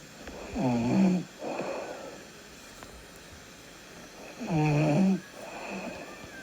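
Loud rattling snores on each breath in, followed by softer breaths out, about two breath cycles; typical snoring during sleep.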